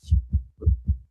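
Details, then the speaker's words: Simulated virtual obstetric patient, stethoscope auscultation: rapid lub-dub heart sounds about 110 per minute, fast heart rate (tachycardia). "Obviously, her heart rate is pretty fast, so we'll hear um that reflected in the auscultation."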